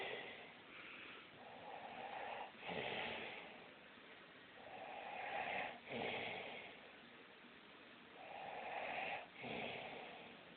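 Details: Sleeping father snoring, likened to an old car: slow, rhythmic rattling breaths on inhale and exhale, about 19 a minute, while being disturbed.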